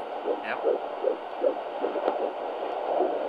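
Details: Rapid, regular whooshing pulses, about 150 a minute, on a handheld Doppler at a midwife appointment, with the pregnancy said to be nearing 20 weeks (exact stage unsure): a normal fetal heartbeat.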